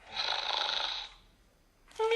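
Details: Simulated snoring from a Gund Snoring Rover toy dog: one soft, hissing snore-like breath lasting about a second, then quiet.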